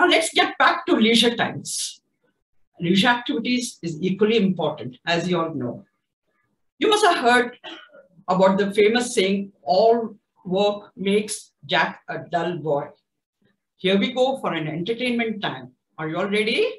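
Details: Adult speaker, likely a woman; typical speech.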